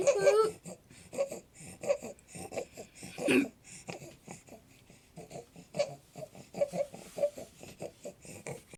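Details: Infant ("stridor baby") with rapid, noisy breathing and a repeated squeaky, crowing tone on each breath; stridor.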